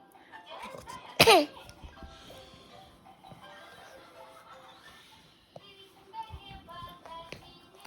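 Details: Single abrupt, forceful burst over soft background music from a baby right after a bath; sneeze.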